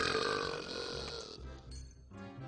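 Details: A cartoon character (Scooby-Doo) in a burping contest: a long, loud, drawn-out belch with music underneath; burping.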